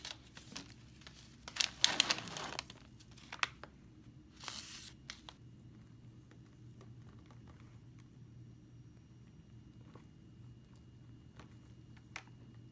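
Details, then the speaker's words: IUD insertion training: after the provider gloves, the medical assistant opens the uterine sound and a cervical instrument; crinkling and tearing of paper and plastic wrap, then quiet clicks as sterile packs are opened. "after the provider puts on their sterile gloves the medical assistant will then open up the fundus sound and also the cervical"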